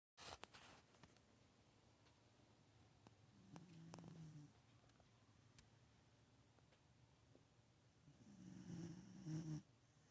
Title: Snoring Brû